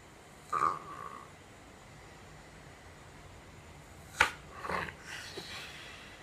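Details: Dog Tipu, who has no nostrils and breathes through his mouth, recorded before surgery: stertor with a thin squeaky whistle and snorting bursts; he tires easily and keeps waking.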